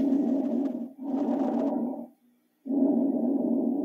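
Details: Lung auscultation: coarse, low-pitched rumbling breath sounds in both inspiration and expiration, separated by brief pauses, from the conducting airways. Rhonchi.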